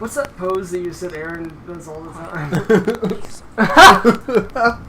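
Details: Adult speaker; no disorder.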